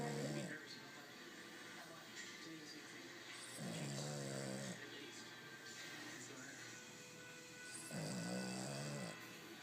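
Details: Rhythmic, rattling snores about every four seconds from a sleeping Boston terrier, with television sound in the background.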